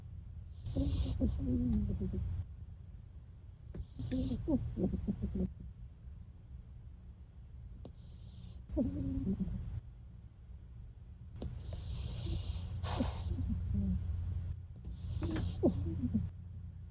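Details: Low rumbling snores recurring with each breath, about five cycles with quiet pauses between them; snoring.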